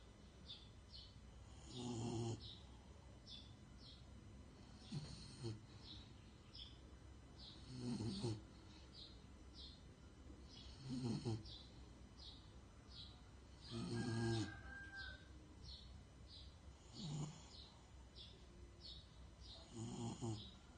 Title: JAX The Snoring Dog | my brother's dog #bulldog #petlover #doglover #shorts